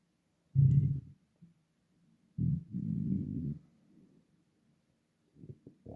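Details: Loud, low gurgling rumbles from an empty, starving stomach, audible even without a microphone; ordinary hunger-related bowel sounds, borborygmi.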